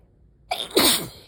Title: Weather change + turning the heater on = sneezing fit!